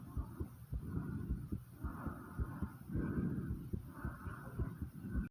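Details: Fast heartbeat and heavy breathing right after 50 squats: quick, rapid heart thumps under loud heavy breathing; tachycardia after exercise.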